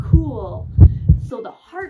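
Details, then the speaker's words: A person listens to their own heart through a stethoscope: low thumping normal lub-dub heartbeats with faint tones and voice overlaid; normal heart sounds. "maybe i'll listen to my own heart whoa okay let's take a listen whoa i can hear it can you hear it too it sounds like this wow that's really cool"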